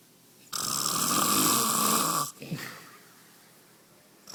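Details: Snoring in a Panamanian person: one long, loud, harsh, rattling snore lasting nearly two seconds, then a brief softer sound and quiet.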